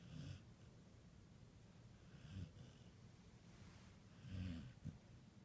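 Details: Snoring: soft, low, irregular snorting snores over a noisy background, about three in a few seconds, consistent with quiet snoring.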